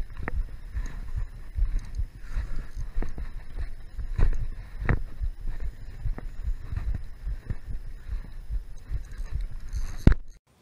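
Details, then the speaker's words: Faint dull, low thumps of the person's own heartbeat, picked up by a GoPro worn next to the heart while reeling in a fish from river boulders, under outdoor rumble and handling noise. "if you turn the sound up really loud or you have headphones you can actually hear my heartbeat on the GoPro because it's right next to my heart"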